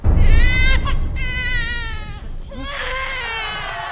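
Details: Loud, high-pitched newborn cry in rising and falling wails immediately after birth; the normal first cry that starts breathing.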